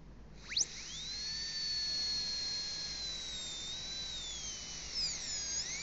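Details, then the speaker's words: High-speed dental drill with spherical diamond bur 1013 entering at about 45 degrees to the tooth surface for a cavity preparation on a model tooth; steady high-pitched whine shifting as the bur moves. "Peguei a mesma broca esférica diamantada 10-13. Eu entro com ela num ângulo de mais ou menos 45 graus com a superfície do dente."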